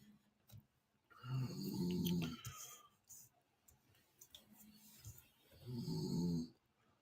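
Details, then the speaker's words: Snoring of a sleeping female ("her") described as like a light purr: two soft, rumbling snores with faint room noise between them. "You guys hear the snoring? It's like a light purr."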